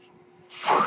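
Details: Mechanical ventilator breath cycle heard in the background while a man speaks.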